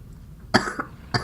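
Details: Two short, harsh coughs from an adult who says he is ill, the first followed by a small catch, in a quiet room.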